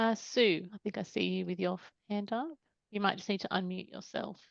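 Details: Adult woman speaking; Normal speech.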